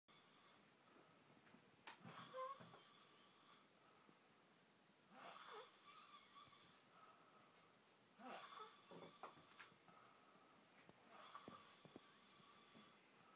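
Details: Light snoring: soft, airy, slightly whistling breaths recurring about every three seconds in a quiet room.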